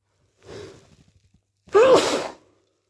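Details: A soft breathy inhalation build-up then one loud explosive sneeze, possibly from hay fever; a single sneeze.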